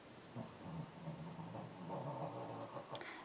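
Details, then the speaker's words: Shih Tzu dog sleeping, still tired after sleeping all night: low, steady rumbling snore in a quiet room; snoring. "all can hear the snoring that is my shitsu believe it or not he slept all night too but apparently he's still tired"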